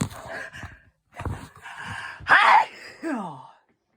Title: Sudden hayfever sneezes